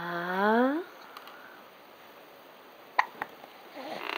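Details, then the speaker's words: Young daughter with hiccups; a brief voiced sound, then quiet with two sharp short hiccup clicks near three seconds, while mother talks about the hiccups. "oh so got him you still got the hiccups oh oh my gosh hi hiccup oh do they go away did they go away do still have them"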